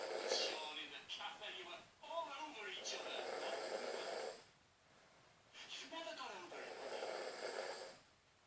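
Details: Adult man (father) snoring badly while asleep, filmed on a phone: noisy, snorting breaths with raspy, fluttering inhalations, about two cycles, over a hissy background.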